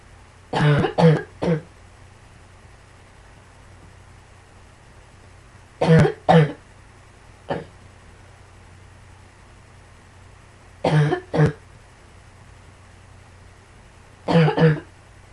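About ten short, dry coughs in clusters of two or three, with quiet pauses between clusters; repeated coughing.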